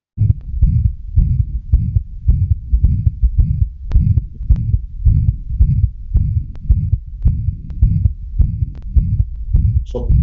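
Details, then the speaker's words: Child with a ventricular septal defect: fast heartbeat with a steady, harsh regurgitant murmur that starts right after the first sound without fading, with breathing noises; holosystolic murmur of ventricular septal defect. "Tenemos otro paciente, este es un este es un soplo de regurgitación."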